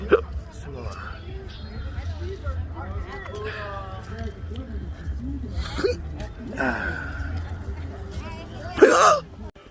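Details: Man talking outdoors amid street noise, broken by abrupt sharp gulping catches in the voice, hiccups again and again; intractable chronic hiccups since 2015 with breathing and choking spasms, cause undiagnosed, November 2020.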